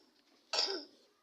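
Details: Young child eating on their own who coughs now and then during the meal, amid family talk.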